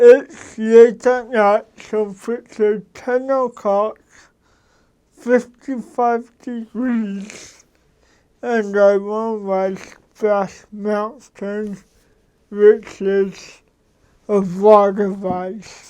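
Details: Adult man with cerebral palsy, a lawyer; dysarthric speech in cerebral palsy.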